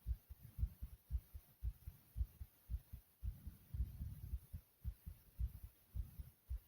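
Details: Person's own heartbeat pounding hard: strong, regular lub-dub thumping quickly at about 113 beats a minute.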